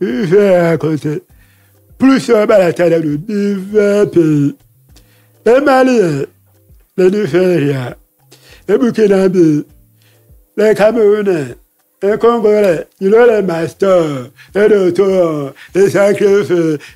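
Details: Man deaf since childhood after an illness and hospital visits, lip-reads; he says his voice has not sounded normal since a throat operation as a child in paediatrics; real French speech; deaf speech.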